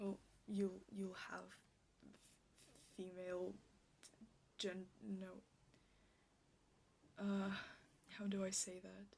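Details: Stuttering with whole-word repetitions in a woman, in an ASMR clip presented as a stuttering roleplay; she states she stutters like this in real life.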